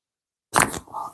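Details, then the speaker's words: During spinal manipulation treatment: after silence, a sharp crackling crunch then a softer rustle, with the practitioner pointing out the cracking sounds; joint cavitation during spinal manipulation. "Eshitdingizmi ovozlarni? Qirsillashini. Pianino bo'lib chalinyapti."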